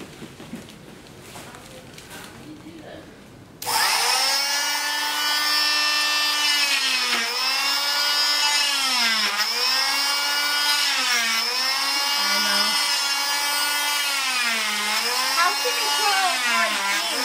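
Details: Oscillating cast saw removing a child's arm cast after 2 months: a loud, high-pitched motor whine that starts abruptly and rises and falls in pitch as the blade loads.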